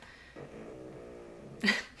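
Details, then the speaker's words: Pet cat sleeping nearby: soft snoring with a low, buzzing rumble, then a short, sharp snorting exhale. "If you hear that in the background, that's just my cat snoring."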